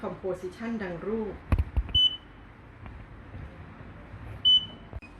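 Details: Brief talk, then short high electronic beeps from an InBody 720 body composition analyzer signalling the measurement is finished, with the person standing on it and arms held about 15 degrees from the body.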